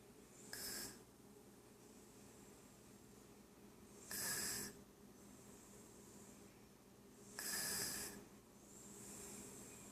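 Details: Sleeping toddler snoring while slumped in her chair at lunchtime: three loud snoring breaths 3–4 seconds apart over low room hum, quieter breathing between.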